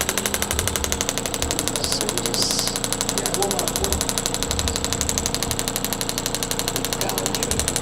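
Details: Radial shockwave therapy after total hip replacement, started at one bar: rapid steady mechanical tapping at about four pulses a second; the device counts down about 2,000 pulses per treatment area.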